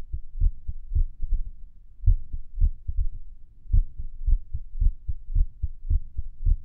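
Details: Irregular heartbeat recorded at Erb's point while lying on the stomach, listening to music: low dull thumps, some beats early, others after longer pauses.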